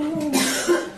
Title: Coughing